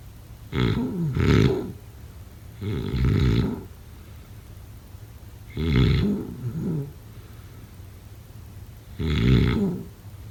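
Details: Snoring.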